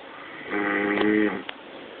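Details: Man snoring very loudly while asleep: one loud, rough, fluttering snore lasting under a second, followed by a brief click in a quiet room.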